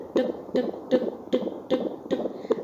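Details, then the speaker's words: Handheld fetal Doppler in pregnancy: regular whooshing fetal heartbeats, monitor reading 123 per minute, with rate and rhythm judged within normal limits; normal fetal heart sounds, regular rhythm. "nah perhatikan bunyinya nah ini merupakan Detak jantung janin ya jadi di monitor ini menunjukkan angka 123 itu tandanya dc-nya normal"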